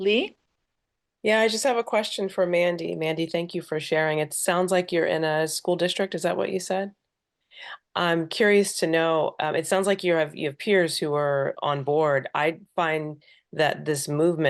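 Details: Adult speaker, likely a woman; normal speech.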